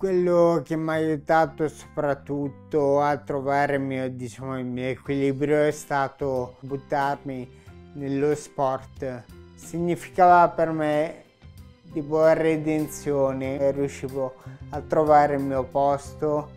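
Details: Young man with Friedreich ataxia, a rare genetic neurodegenerative disease; ataxic dysarthria.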